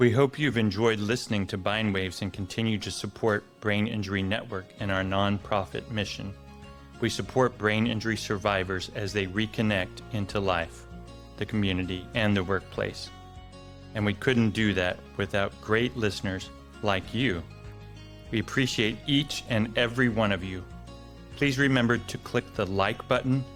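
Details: Adult male announcer; typical speech.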